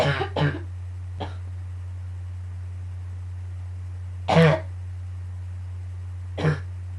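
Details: Morning coughing fit right after waking, becoming painful at the end: four or five short, harsh, spaced cough bursts over a steady low room hum.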